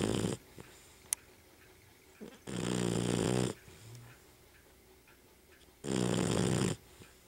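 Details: Dog snoring loudly while asleep: two long, noisy, rattling breaths with quiet gaps between; snoring.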